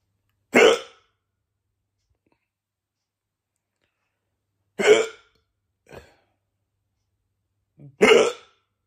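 Three sharp, abrupt hiccup sounds at irregular spacing over about nine seconds, with small catches of breath between; repeated hiccups.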